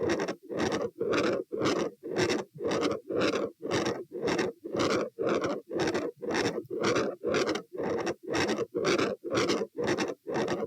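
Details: Machinery murmur heard at the aortic area with the patient standing: a harsh, rumbling whoosh repeating rapidly with each beat.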